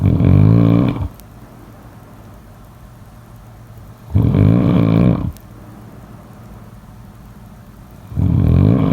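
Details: Snoring.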